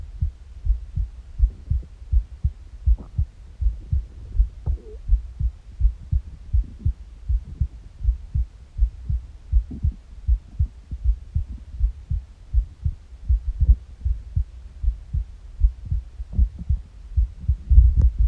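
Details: Morning recording: steady low heartbeats at about 80 a minute, with soft gurgling bowel sounds from an empty stomach mixed in; normal heartbeat with bowel sounds.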